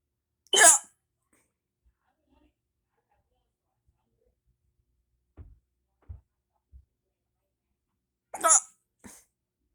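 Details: Person hiccupping with mouth open, saying it hurts: two sharp, breathy hiccup bursts several seconds apart, with faint soft catches between them in a quiet room; painful hiccups.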